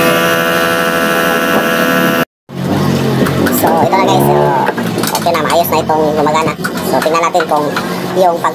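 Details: Steady droning motor hum of a 2017-model nebulizer compressor pump running again after motor repair for poor air suction to the diaphragm, then talk over background music.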